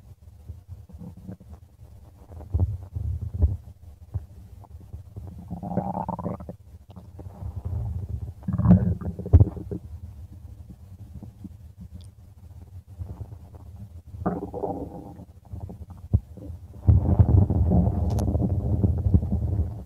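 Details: Low, continuous gurgling and rumbling with irregular louder bursts; stomach growling from gas and fluid moving through the gut, normal bowel sounds (borborygmi).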